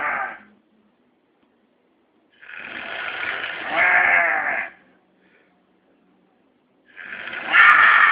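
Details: Man after too much drinking on New Year's: loud, harsh, rattling noises of about two seconds each, repeating with breaths at roughly 14 a minute with quiet gaps; heavy snoring.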